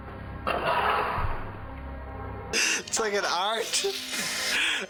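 Sharp indrawn gasps followed by a burst of sneezing, with music in the background; the gasping breath that comes before a sneeze.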